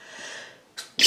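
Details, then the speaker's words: An adult woman, who announces she is about to sneeze, draws a hissing breath, gives a small catch, then a sharp explosive sneeze. "Je vais éternuer."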